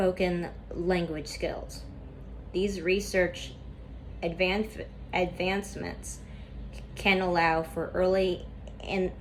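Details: Stuttering in a woman reading a class PowerPoint presentation aloud; she describes a lot of tension at first that eases as the reading goes on.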